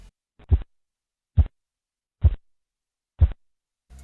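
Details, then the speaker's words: Phase IV Korotkoff sounds during blood pressure cuff deflation: regular soft, muffled, fading low thumps at about 70 a minute, marking diastolic pressure in children and pregnant women. "En el cuarto ruido es el mismo que en el tercer ruido, solo que comienza a descender la fuerza, o sea que el ruido es menos fuerte. Este ruido que se va desvaneciendo nos indica la presión arterial diastólica en niños y mujeres embarazadas."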